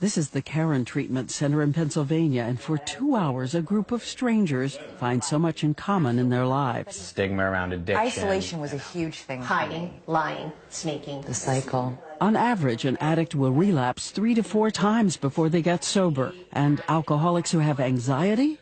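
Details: Adult narrator; normal speech.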